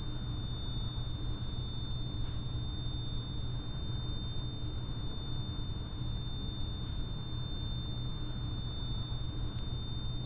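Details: Simulated tinnitus sound offered for listeners to compare with their own ear ringing: steady high-pitched ringing tone over a low hum; tinnitus simulation.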